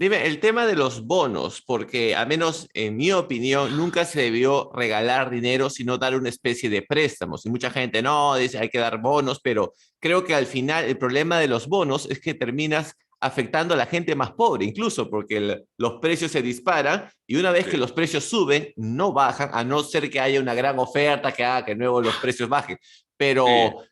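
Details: Adult man; normal speech.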